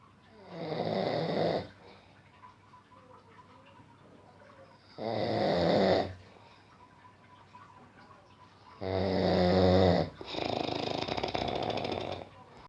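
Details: Deep-sleep snoring: loud, rough snores about every four seconds, roughly 15 breaths a minute, with quiet gaps between.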